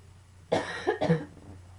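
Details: Two quick, harsh cough bursts in a quiet room, part of a coughing fit combined with allergies and a few sneezes; cough.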